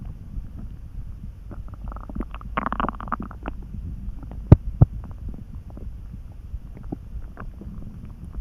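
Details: Person lying on a bed, drowsy and dozing off, a few hours after eating lunch and feeling hungry: quiet gurgles, a brief churning rumble and a couple of sharp pops; ordinary hunger-related stomach rumbling.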